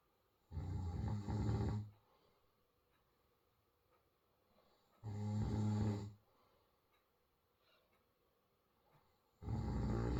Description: one of those 'I don't snore' moments